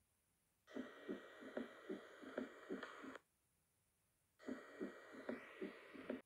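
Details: Third heart sound (S3 gallop): regular heartbeat with an extra soft low sound after S2, giving a galloping three-beat rhythm.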